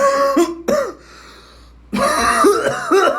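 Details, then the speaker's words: Adult gives about five harsh, voiced coughs and throat-clearing bursts in two runs separated by a pause; acted coughing in a comedy skit, excused as an allergy/sinus thing. "yo why are you coughing like that what do you mean i just had like a allergy sinus gas bubble thing nothing to worry about"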